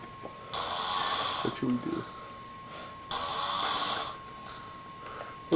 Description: Stopping someone snoring.